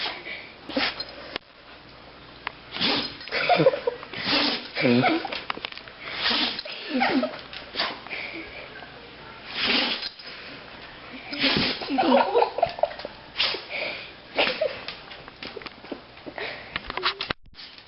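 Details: Repeated sharp nasal bursts from a dog sneezing constantly, a run of sneezes with brief pauses and snuffling between them.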